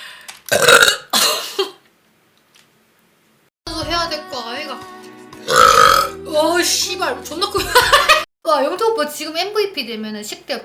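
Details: Korean streamer burp compilation: several loud, drawn-out belches broken up by voiced talking, with music playing behind.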